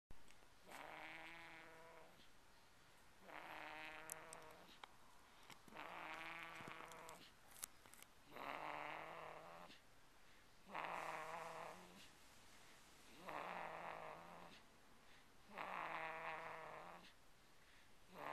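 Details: Mason at 5 weeks old: regular buzzing, voiced snores on each breath, about seven over eighteen seconds, in a quiet room; snoring.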